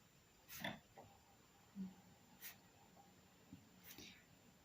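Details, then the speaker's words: Sleeping cat snoring nearby: quiet, irregular snorting and snuffling breath noises over faint room hiss. "voilà je sais pas si vous entendez mais il y a mon chat qui ronfle à côté c'est un truc de fou"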